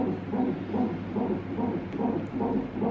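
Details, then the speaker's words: Fetal heartbeat on a monitor during pregnancy monitoring at 39 weeks, fast rhythmic whooshing pulses about 150 a minute, while the baby girl is active and family listens. "They're listening to baby sister heartbeat."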